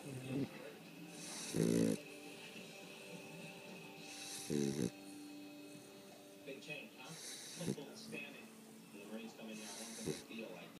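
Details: A sleeping dog named Cash snores with rhythmic rattling sounds, roughly 20 breaths a minute, over faint steady background tones.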